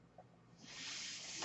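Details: Mechanical ventilator sound heard while the user speaks: a near-silent pause, then a steady rushing hiss of air for about a second as the ventilator delivers a breath.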